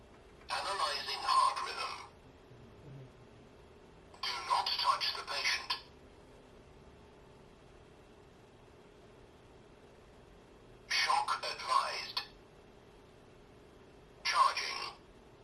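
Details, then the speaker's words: Training AED, simulated, no real patient: four bursts of recorded voice prompts to apply pads to the bare chest, plug in the connector, stand clear while charging, press the orange shock button, then start CPR. "we'll go ahead and just turn it on so you guys can hear what it sounds like apply pads to Patient bear chest plug in pads connector next to flashing light"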